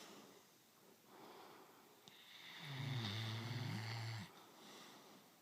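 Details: Snoring from a sleeper, a second recording of the same snorer.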